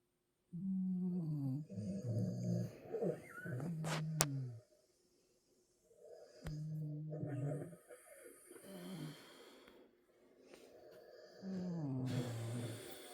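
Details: Low, droning, rattling snores over several breaths, a sleeping man and dog Harley snoring overlapping: snoring.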